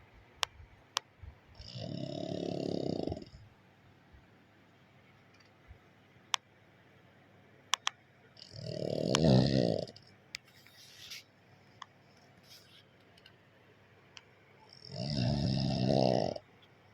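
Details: Pug dog snoring: three loud, rough, rattling snores, each about a second and a half, spaced by quiet pauses.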